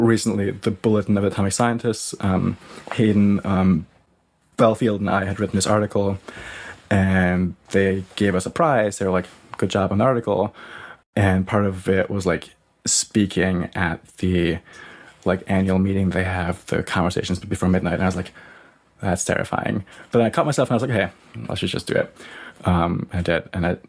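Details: Stuttering in an adult researcher who has a stutter that affects him personally and professionally.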